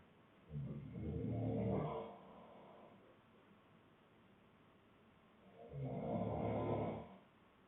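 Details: Two loud, low, rattling inspiratory snores about five seconds apart in a quiet room, from a snoring boyfriend, with two other people also snoring; snoring.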